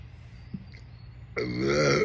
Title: NASTY Soda Burps: part 1. #burps